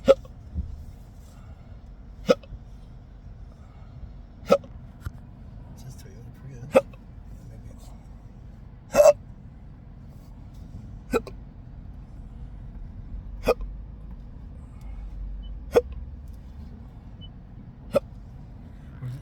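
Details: Sharp, brief hiccups recurring about every two seconds, roughly 27 a minute, over steady car noise, from a person who can't stop hiccuping while driving and finds it hard to speak, with no burps; persistent hiccups.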